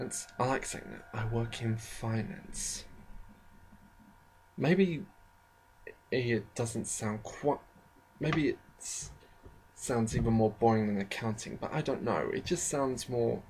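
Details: Adult with a self-described slight stammering problem, shown as frequent stammers and pauses; stuttering.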